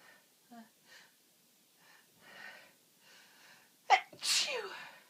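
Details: Adult with a cold and itchy nose, having repeated uncontrollable sneezes: soft catching breaths build up, then one loud sneeze with a sharp intake and a forceful hissing burst.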